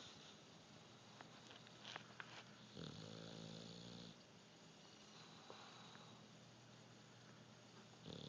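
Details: Sleeping English bulldog napping; a single drawn-out, buzzing, throaty breath in a quiet room with faint background hiss: snoring.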